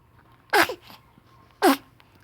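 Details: Baby sneezing: two sharp, sudden bursts of air about a second apart; sneezes.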